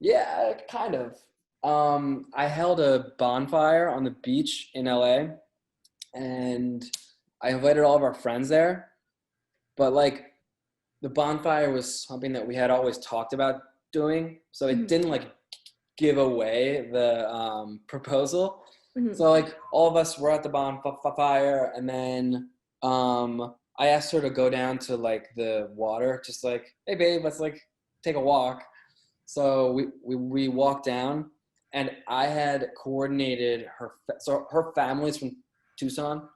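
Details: Adult male with a lifelong stutter, hard for him as a child; stuttering.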